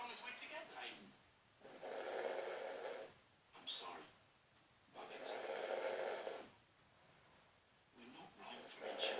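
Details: Father snoring very badly while asleep: loud, harsh snoring in long noisy bursts with quieter breaths between, roughly three cycles in nine seconds; heavy habitual snoring.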